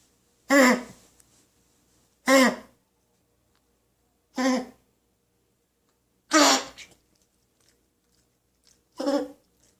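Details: Dog coughing: five separate harsh, hacking coughs, each a short burst a couple of seconds apart, in a quiet room.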